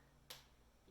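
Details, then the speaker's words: A single sharp click, a pop from an adult dancer's knee as the leg rotates inward and ankles roll in during a twist shimmy: knee popping (joint crepitus). "and you can hear my head hair my knee popping but you'll notice that my leg has to do a little bit of an inward rotation and i have to roll my ankles in a little bit"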